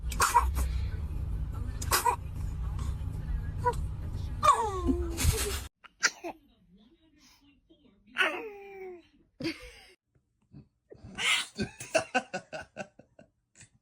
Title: Newborn sneezing 🥰🥰 #baby #family #sneezing #cute #funnybaby